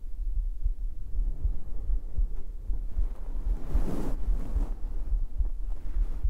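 Muffled, deep, regular heartbeat thumps under soft rustling and low rumble; a normal heartbeat.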